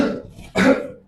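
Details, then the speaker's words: Two acted adult coughs, left uncovered, shown as an example of poor cough etiquette. "Kalau batuk tidak boleh begitu ya. Lakukan etika batuk yang benar."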